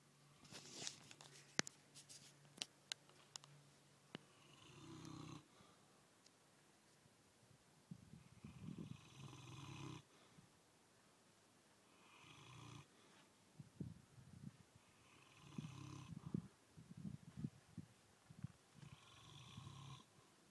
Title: Snoring Big Dog